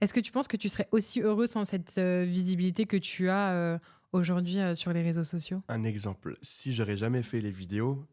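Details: Adult speakers in conversation, French; ordinary speech.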